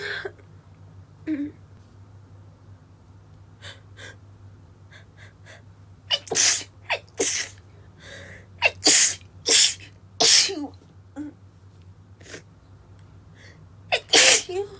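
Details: Female having a stifled sneezing attack from sawdust while woodworking: a rapid run of short, suppressed sneezes, some preceded by quick gasping inhalations, over a low steady hum.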